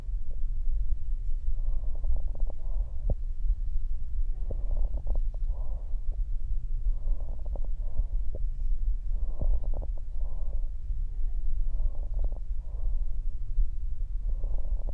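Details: Bronchial breathing heard through a stethoscope over the chest: loud, hollow, blowing breath sounds, clear in both inspiration and expiration, over a low rumbling background.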